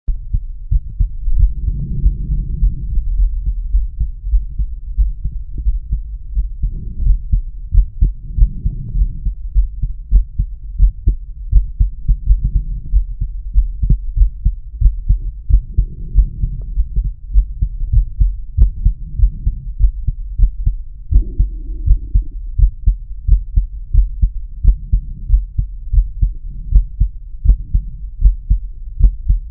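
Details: Normal heart sounds via stethoscope diaphragm at the mitral area/apex of a male lying on his side: steady, regular low thumps with intermittent gurgling bowel sounds in the background.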